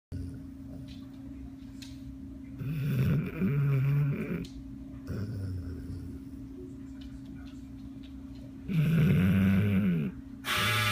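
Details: Dog in deep sleep: irregular snorting snores about 11 a minute with soft breathing between, quiet room; snoring.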